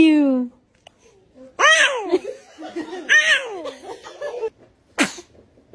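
Voices of children with sharp, voiced bursts and a final quick explosive sneeze, mixed with laughter. Sneezing.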